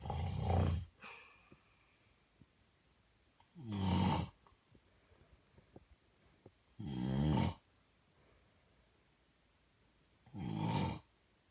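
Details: Four loud, low, rattling snores at about 18 per minute with quiet pauses; an adult man's (father's) sleep snoring, recorded in 2019.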